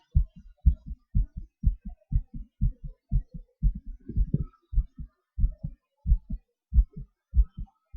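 Clear thudding two-part heartbeats, about 60 a minute, with slight shifts in pace; ordinary heart sounds.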